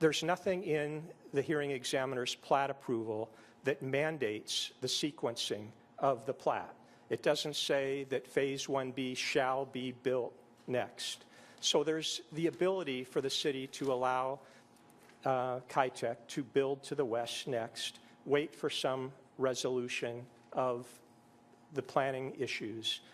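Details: Adult man; normal speech.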